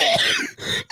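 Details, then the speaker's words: Cough from an adult: two rough, raspy cough bursts with a harsh throaty quality, likened to a demon's sound. "Bro, like, it sounds like a Dark Souls demon when you cough like that."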